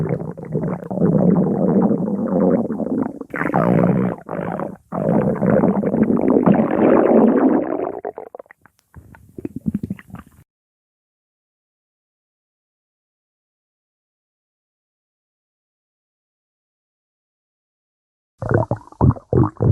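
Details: Adult's stomach growling: long, low gurgling rumbles, typical ordinary bowel sounds (borborygmi).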